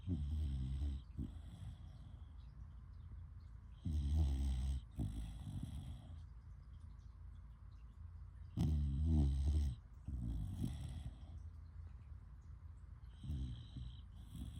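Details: Dog snoring in sleep: low rumbling snores recurring at fairly steady intervals over quiet breathing noise.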